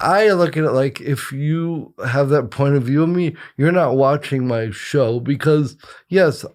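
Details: Dysarthria in an adult male with congenital cerebral palsy, attributed to brain injury or lack of oxygen at birth after an emergency C-section.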